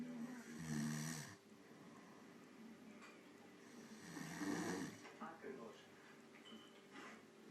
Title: Oh ,what a snoring